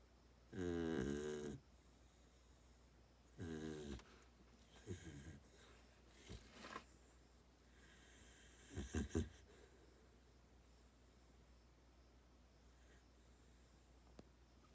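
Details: Mini Aussie dog snoring in a still room: two loud rattling snores on breathing in, then softer snorts and quiet breathing; snoring.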